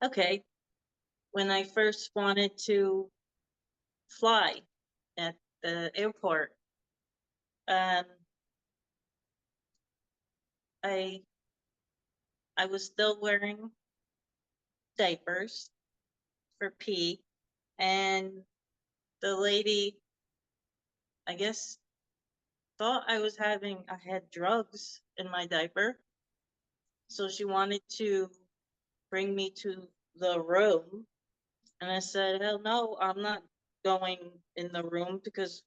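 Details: Adult woman who had a hemorrhagic stroke in 2018 and could not talk for 2 years. She was first diagnosed with Broca's (non-fluent) aphasia, and her speech still worsens after recurring seizures. Non-fluent (Broca's) aphasia, mild residual.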